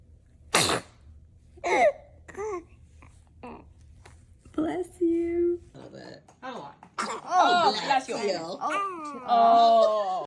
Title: Baby sneezing is so cute 🥰 #funnybaby #baby